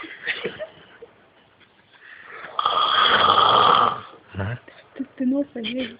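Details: Sleeping man snoring: a loud, harsh, rattling snore with shorter snorting breaths and other noises around it.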